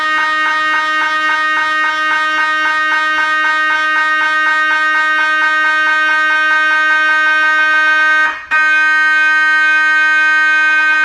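Loud, steady electronic buzzing in rapid regular pulses, about two a second, with a brief break: MRI scanner sequence noise.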